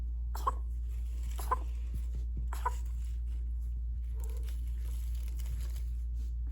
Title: Kitten coughing